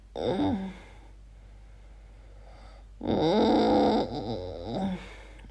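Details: Adult recording their own sleep noises, wondering whether it is snoring or sleep apnea: loud groaning, rattling breaths separated by a quiet pause of about two seconds; noisy snoring.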